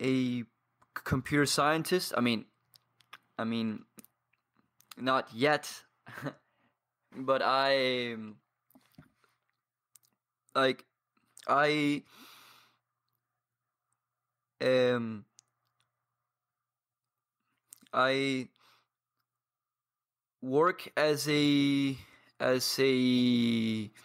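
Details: 22-year-old man from Paraguay who has stuttered for as long as he can remember and trains daily with a community of stutterers; pauses and blocks; stuttering.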